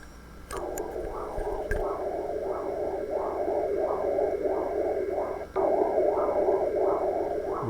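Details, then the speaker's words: Rhythmic whooshing Doppler flow with regular pulsing swells, recorded at a 51° angle in a normal, homogeneous liver: normal hepatic vein flow sound. "ese es el sonido característico de preferencia el ángulo doppler debo de ponerlo lo más alejado posible de la vena cava inferior"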